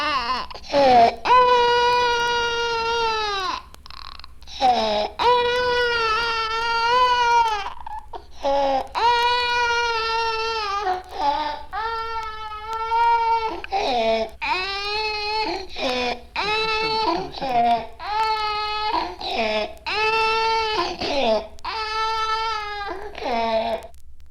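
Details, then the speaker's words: A child cries in repeated strained bursts with harsh, noisy breaths between: stridor of laryngotracheobronchitis (croup), where diphtheria or an inhaled foreign body should be excluded. "This is the sound of a child with lingo. Tracho bronchitis in stridor or group. It is always important to exclude dtheria or an inhaled foreign body."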